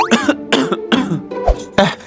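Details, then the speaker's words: Acted, simulated dry cough in a cough-syrup advertisement: a run of about five short, hacking, unproductive coughs over background music; dry cough. "Lu dari tadi batuk mulu nih."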